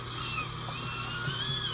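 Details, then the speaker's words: Hygienist's electronic high-frequency ultrasonic scaler using water spray to limit heat, removing tartar, stains and bacteria at and slightly below the gum line during a routine teeth cleaning: steady high-pitched whine with faint water hiss and soft background music. "so this is kind of like a power jet that uses water to diminish the heat from the high-frequency and maybe as a to break down tartar buildup as well as stains on my teeth"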